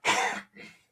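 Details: Adult man under the weather since Sunday night, described as hacking and wheezing: two harsh cough bursts, a loud one then a weaker one.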